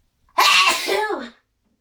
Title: Very loud sneezing with buildups